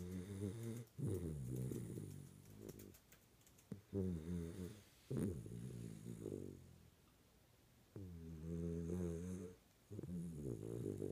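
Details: Sleeping schnauzer snoring loudly: buzzing, vibrating snores with snorting catches on each breath, in an irregular rhythm.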